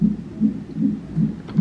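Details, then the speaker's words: Fetal heartbeat at 29 weeks of pregnancy on a hospital Doppler monitor in labor and delivery after tightening and pain. Rapid, regular whooshing pulses at about 150 beats a minute, with a noted sudden jump in rate. "like a very fast jump in his heart rate i'm such a worried mom"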